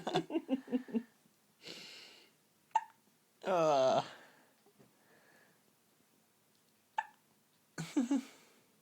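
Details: Abrupt, sharp little catches recurring between brief voiced squeaks and breathy sounds in a small room, from a girl with comical hiccups; hiccups.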